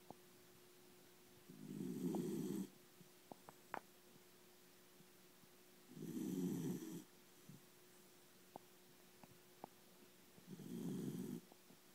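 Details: Slow, rhythmic, low rumbling snores from a sleeping Schnauzer dog, about three in twelve seconds, with quiet pauses between: snoring.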